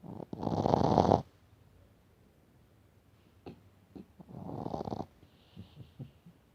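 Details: Sleeping Shih Tzu snoring: two loud, rough, rattling breaths a few seconds apart with softer snuffles; owner says he sometimes snores until choking and short of breath, depending on sleep position or after drinking water fast.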